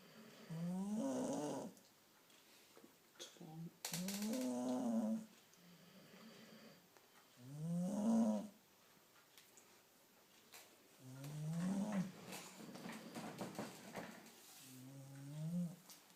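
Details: Repeated groaning, whiny snoring breaths from a sleeping dog, roughly 17 a minute and somewhat irregular, with faint room noise.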